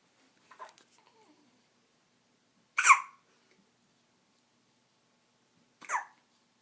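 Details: Newborn baby on day 6 of life with hiccups: two abrupt, brief gasping hiccup sounds about three seconds apart in a quiet room, a faint third sound preceding them.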